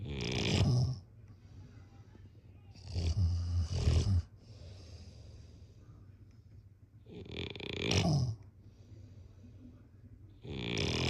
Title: # #snoring #snoringasmr #snoringsounds #snoringsleepingsoundeffect #sleepsounds